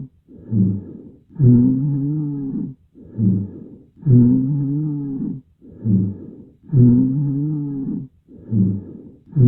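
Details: Vesicular breath sounds with rhonchi: low-pitched, snoring, rumbling sounds with each breath at about 22 breaths a minute.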